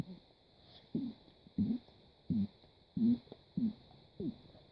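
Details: Repeated burping lasting over a minute: about seven short, low, guttural bursts in under five seconds over a steady high whine.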